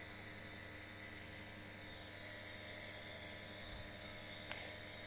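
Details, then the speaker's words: Steady hiss with a low motor hum from a compressor nebulizer giving an inhalation treatment to a coughing child, with the mist directed at the nose: nebulizer running. "Iya segel masukin ke hidung itunya asapnya nah"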